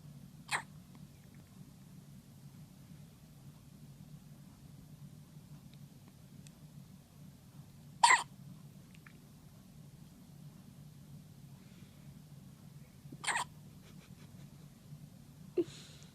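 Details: Four short, sharp hiccups, irregularly spaced a few seconds apart, from a one-day-old newborn in hospital, against a quiet room hum.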